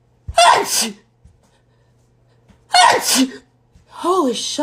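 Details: Girl sneezing: two forceful sneezes, each a sharp inhaled catch then an explosive burst, followed by a brief voiced exclamation; sneezing.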